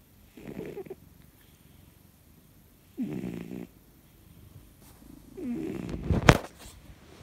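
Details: Cat snoring at night while sleeping in a pile with other cats: snoring.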